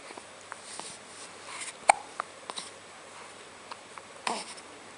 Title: Hiccups